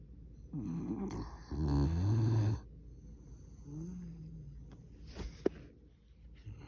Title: Me snoring